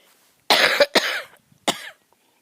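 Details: A person coughs while talking outdoors and filming flowers, having said they expected to start coughing once they began talking: three harsh, dry coughs, the first two close together and the third after a brief pause.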